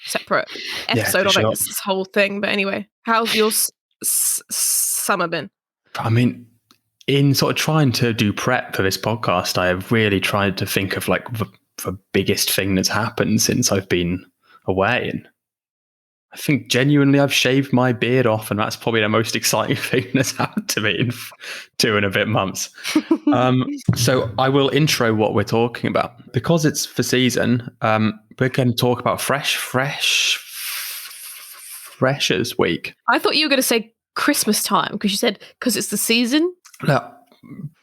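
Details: Adult woman who stammers, with repetitions and broken words; stammering.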